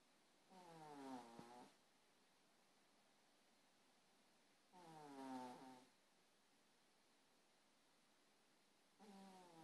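Soft, buzzing snores with a rising-falling tone, about three in ten seconds, over steady room hiss; ordinary snoring.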